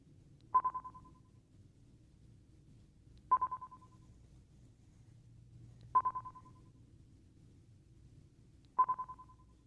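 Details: Simulated hearing-test tones: brief beeping bursts about every three seconds, played through headphones during an ASMR medical-exam role-play as the patient is asked to signal when the beep is heard.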